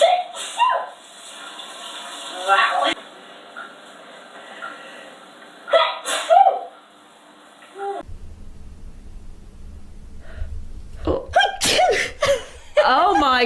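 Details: Several explosive sneezes, each preceded by a sharp in-breath, with talk and laughter in the background; sneezing.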